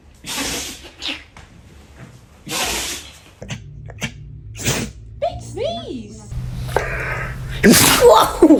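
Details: Puppy sneezing: several short, sharp sneezes, with faint voices and squeaky sounds between them.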